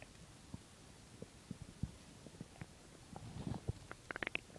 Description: So in this video again my stomach is empty. (My stomach digests quietly) so I have to have an empty stomach for sounds :p